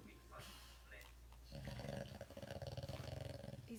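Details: Loud, low, fluttering snoring breath with grunting from a sleeping brachycephalic dog: sleep-disordered breathing from brachycephalic obstructive airway syndrome (BOAS).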